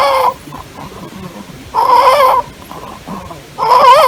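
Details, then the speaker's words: Newborn with inspiratory chest retraction: loud, high-pitched crowing on each breath in, quiet breaths out, inspiratory stridor. "se produce una obstrucción que muy dramática y muy severa pero es básicamente inspiratoria"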